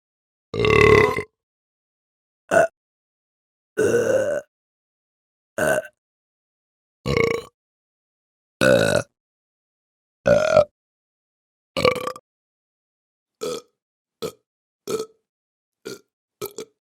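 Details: A series of about thirteen short human belches separated by silence, the later ones briefer and quicker; repeated burping from a sound-effect recording.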